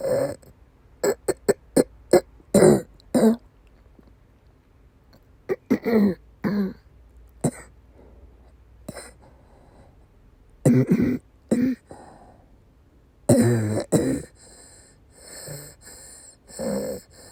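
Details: Female with persistent asthma attacks and a migraine-cluster headache complex: repeated bursts of harsh, fast coughing with retching-like sounds between, coughing and vomiting during an asthma attack.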